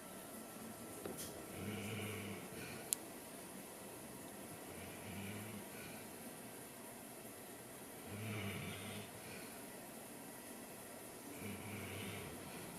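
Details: Sleeping dog snoring: soft, low, fluttering snores every three to four seconds, about 17 a minute, over faint room noise.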